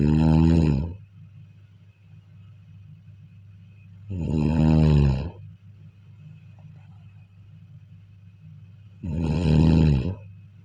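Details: Heavy snoring during sleep: three loud, droning, almost groaning snores, about 13 per minute, separated by long quiet pauses.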